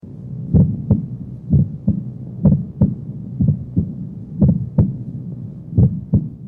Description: S1 splitting is normal in many patients and is thought to be caused by mitral valve closure followed by an aortic ejection sound.